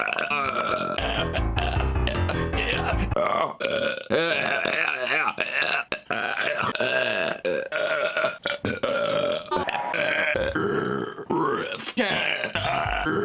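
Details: Compilation of long, loud, drawn-out voiced burps from an adult, one after another, with music and laughter in the background; repeated burping.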